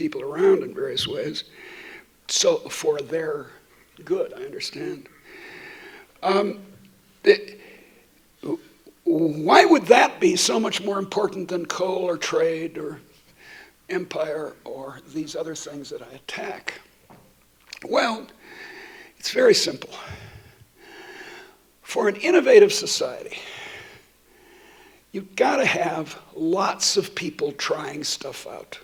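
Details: Adult woman who states she stutters, speaking while she has a terrible cold affecting her voice; stuttering.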